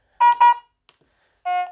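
Two short beeps, then a longer lower tone: the defibrillator's confirmation as pacing resumes at the previous settings.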